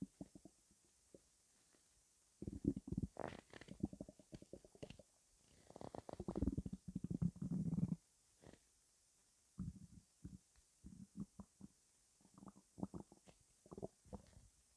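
Bursts of low gurgling and rumbling separated by quiet gaps: ordinary stomach rumbling, the normal sound of gas and fluid moving through the gut.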